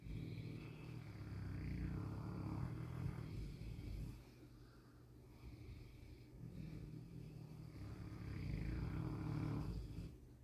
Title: Titi was born with a bit more tongue than avg dog and this makes he a heavy snorer ! #boerboel